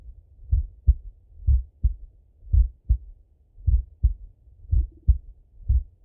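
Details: Male heartbeat by stethoscope during full heart auscultation, recorded either sitting at a desk or lying in bed: clear, regular lub-dub beats at about 57 a minute, no extra sounds between them; normal heart sounds.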